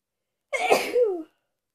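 A single sharp sneeze with a quick explosive burst and a short trailing voiced tail.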